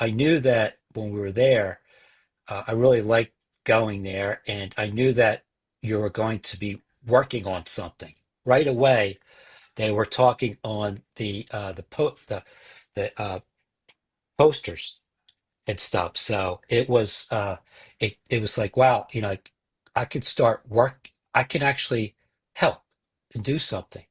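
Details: Male stroke survivor with aphasia after his stroke, attending an aphasia support group. Finding: aphasia.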